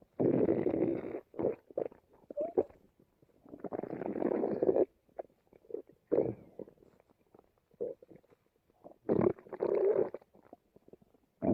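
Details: Repeated low gurgling, rumbling stomach growls in bursts of varying length, hunger bowel sounds (borborygmi) from two people while watching TV together.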